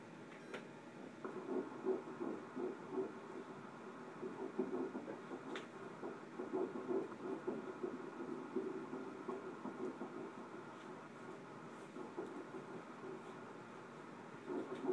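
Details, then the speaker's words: Fetal heartbeat on Doppler during a 9-week pregnancy ultrasound, fetus measuring about eight weeks: rapid, steady whooshing pulses at 166 beats per minute, normal. "it can be very emotional to hear that heartbeat the first time 166 beats per minute awesome"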